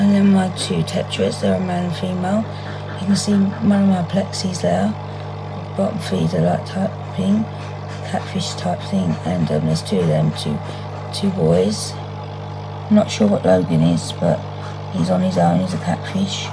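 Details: 57-year-old woman with muscle tension dysphonia (very tight, stressed muscles around the vocal cords) beginning after COVID pneumonia, also affecting swallowing; severe at times, in speech therapy; ENT found mucus and laryngeal infection, about 4 months' duration.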